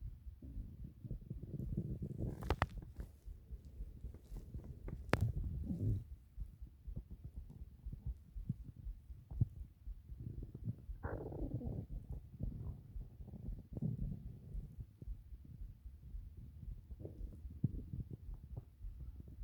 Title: 8 minutes of stomach growls